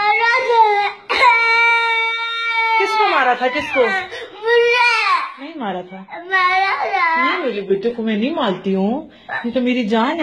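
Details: Infant crying angrily: loud, high-pitched wailing cries with sobbing breaks and rising and falling pitch.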